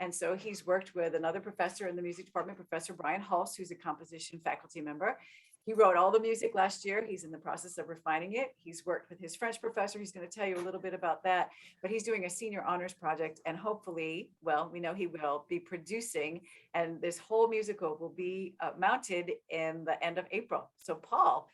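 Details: Adult woman speaking; Normal voice.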